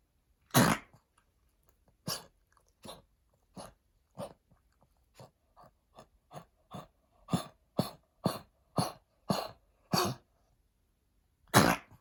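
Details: Adopted senior Pekingese, formerly heartworm-positive, coughing since weaning off steroids after final heartworm treatment: a long run of about sixteen short, dry coughs attributed to heartworm lung damage; stopped with increased prednisolone.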